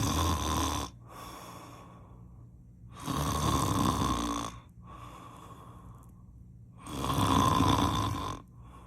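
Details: Loud rattling snores on each breath, about three in nine seconds, with quieter breathing between.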